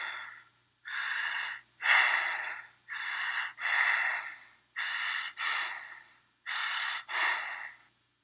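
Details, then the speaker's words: Deep, rapid, forceful breaths with no pauses, about 34 a minute; a pattern usually due to metabolic acidosis, expelling excess CO2. Kussmaul breathing. "kusal is a pattern of really deep really fast breathing this is usually due to metabolic acidosis"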